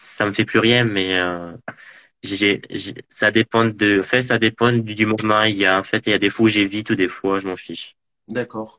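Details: Man interviewed in French about living with stuttering: stuttering.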